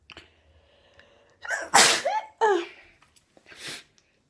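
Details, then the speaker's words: Person sneezing repeatedly, wearing an irritating fake nose piercing: quick inward breaths into one loud, explosive sneeze with a brief voiced aftersound, then quiet breathing. "I look disgusting but you know I just wanted to get it on quick before I stop sneezing"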